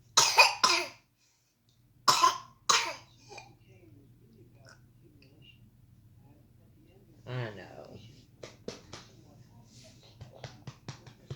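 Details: A person coughing: about five harsh, dry cough bursts in two quick clusters, then quiet with a steady low hum; pollen flying around noted.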